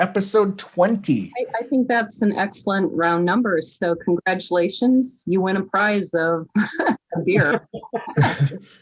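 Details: Adult speaker; Normal voice.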